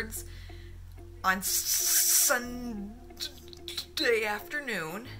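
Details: Acquired stuttering with word-finding difficulty in a woman, recorded within days of onset; diagnosed as stroke-like aphasia attributed to psychological trauma and stress; accompanied by confusion, memory loss, vision trouble and poor coordination.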